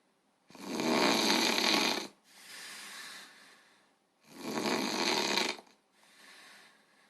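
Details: Loud, rough snoring on each in-breath with softer breathy out-breaths, about 16 breaths a minute.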